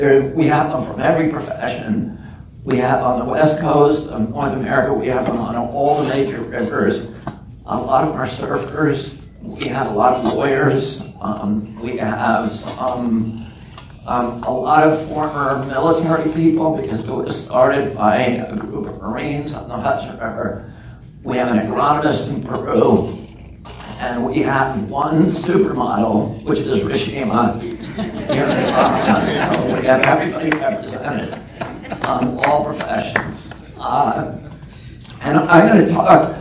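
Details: Man with spasmodic dysphonia (spasmodic dystonia) since age 42, after a previously strong voice; voice trembles, the tremble lessens or goes away after speaking a while; not painful.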